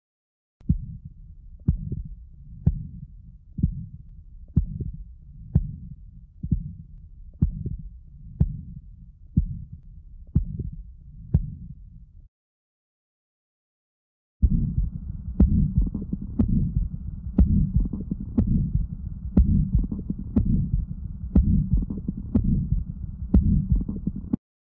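Regular heartbeat near 60 a minute with a harsh rushing murmur filling the gaps, fitting subaortic stenosis.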